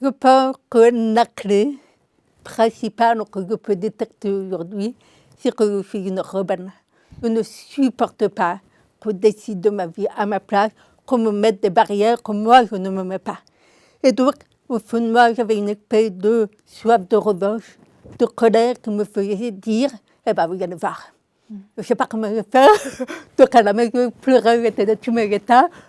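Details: Deaf speech in an adult woman with congenital deafness diagnosed at 9 months; she learned to speak through 20 years of speech therapy, three sessions a week.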